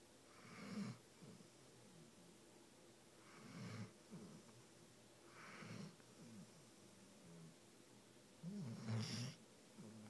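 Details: Snoring from Moxie, asleep in a hotel with a head resting on a person: four slow, rough, rattling snores about 2.5 seconds apart, roughly 24 per minute, over quiet room noise.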